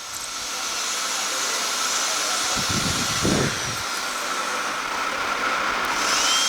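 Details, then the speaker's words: Cochlear implant surgery demonstration in an ear with pure sensorineural hearing loss: steady high whine of an otologic drill with a brief lower grinding burst on bone, as a diamond burr widens the posterior tympanotomy after a cortical mastoidectomy. "So I am widening the posterior tympanotomy, can see."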